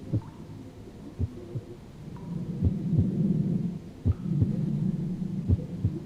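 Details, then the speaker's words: Simulated VR patient, heart auscultated by stethoscope while sitting up: slow, regular lub-dub heart sounds about 43 per minute; bradycardia. "I can hear that heart clearly what's the first thing you notice about listening to this Heart tone [Music] that is slow AF my friend we need to get you treated"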